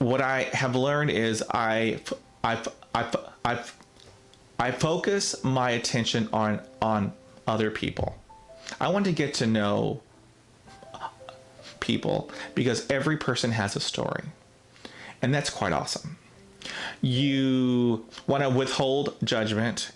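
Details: Adult man who describes himself as a person who stutters, with part-word and phrase repetitions; stuttering.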